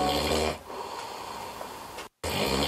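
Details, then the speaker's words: Adult recorded overnight in sleep observation, snoring through the full six hours, judged the worst snorer; sleep specialist notes another participant has sleep apnea: snoring. "반을 잤는데 코골이 6시간 내내 한 것이 이게 실화냐? 코골이 제왕 4번 선발."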